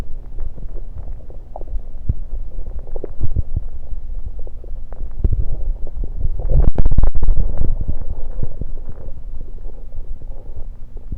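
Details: Stomach sounds recorded while gulping Diet Pepsi: loud, continuous low gurgling and bubbling rumbles with a surge midway, normal bowel sounds after a fizzy drink.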